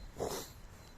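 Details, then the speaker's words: A dog gives a single short, harsh, snort-like honking burst; kennel cough. "एक अच्छा यह से कफ लगी हुई है लिफ्ट केनाल का बोलते हैं"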